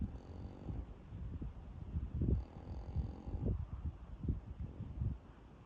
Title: Huge Angus cow sound asleep and snoring on nice day.